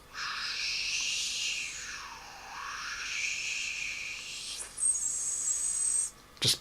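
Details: Tinnitus imitation by a person with tinnitus since 1979, made with cupped hands and lips: modulated narrowband hissing shifting in pitch, ending with a higher steady whistle.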